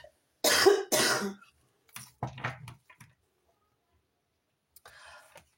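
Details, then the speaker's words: About four to five harsh coughs in quick succession with throat-clearing between, during an ongoing asthma attack not relieved by a Ventolin inhaler; cough. "pardon, pardon, je tousse beaucoup parce que j'ai une crise d'ast permanente là. J'ai beau prendre ma ventoline, ça marche pas."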